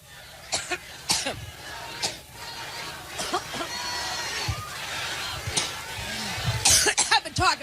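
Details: An adult woman speaking at a Cleveland Labor Day rally (9/5/16) gives repeated dry coughs and throat clearing in bursts, with crowd noise behind. She blames seasonal allergies. This is a persistent coughing fit.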